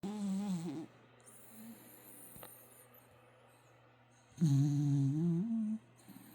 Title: puppy snoring with tounge sticking out